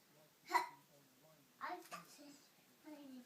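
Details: Two abrupt, voiced hiccups about a second apart in a quiet room, followed by soft vocalizing; hiccups.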